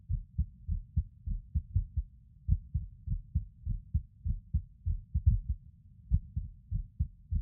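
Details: Male lying on his bed recording his own skipping heartbeat: low heart thumps near 100 a minute with uneven spacing and occasional pauses; irregular rhythm with skipped beats.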